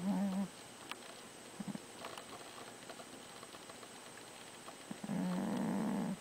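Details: Fat cat snoring: soft, buzzing, fluttering snores at the start and end, with quiet breathing and faint room noise between.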